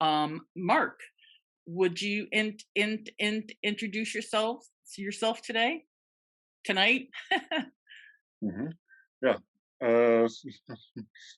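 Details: Adult man from the Netherlands who stutters, at times a lot, and still finds his stutter hard to accept; long pauses between words suggest blocks; stuttering.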